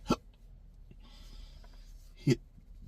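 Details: Two sharp, abrupt hiccups about two seconds apart over faint room noise in an adult with chronic intractable hiccups since December 2015, beginning after a bad surgery outcome; intractable hiccups.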